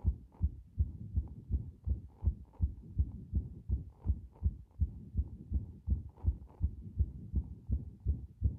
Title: 強い不整脈で一瞬止まる心臓の動画